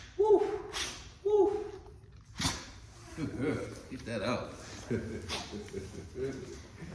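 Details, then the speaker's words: Pitbull repeatedly snorting and sneezing after floor mopping with bleach: short nasal snorts and sneezes, with a person talking in the background. "that's a hell of a sneeze good girl"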